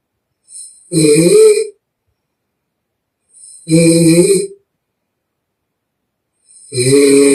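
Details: Real snoring from a young Chinese woman in deep sleep, recorded with permission: extremely loud, rough snores on each breath in, about 21 a minute, with silent pauses and mouth blowing.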